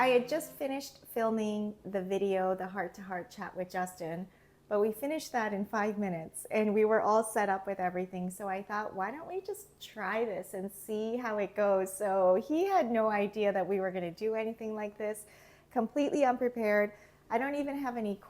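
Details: Adult woman speaking; normal speech.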